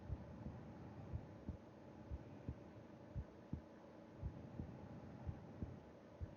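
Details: Heartbeat heard with an ear against the chest of a person sleeping: soft, regular low thumps at about 58 a minute over a steady background hum, a normal resting heartbeat.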